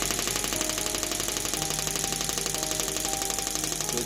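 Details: Fast, steady train of sharp clicking pulses, about two a second, from a heavy-duty shockwave therapy machine firing during a pulse-counted demo that stops automatically at 500; shockwave therapy machine firing.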